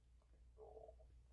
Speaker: And my stomach growling. You can probably you probably hear that on the mic, too.